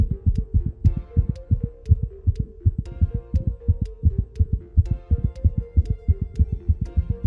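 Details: Veterinary cardiology example of tachycardia: a heart rhythm that suddenly breaks into very rapid pounding, about 180 a minute, with a steady hum behind it.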